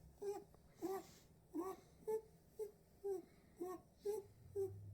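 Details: Pet bunny snoring: soft, regular squeaky snorting sounds, about two a second, with each breath.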